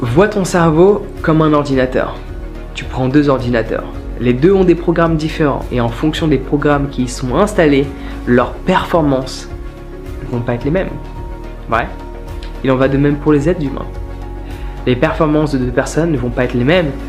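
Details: Adult male speaker; no disorder.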